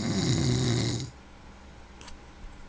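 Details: Snoring: one loud, low, rumbling snore lasting about a second, then quiet room noise.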